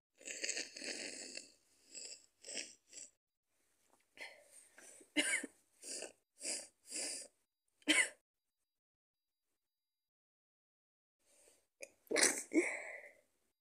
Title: Giving you my Cold 🤧Sick Sneezes, Snot and cough